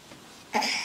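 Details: Young child with croup, told to sit on his bottom at breakfast, gives a single harsh, tight croupy cough after a brief quiet pause.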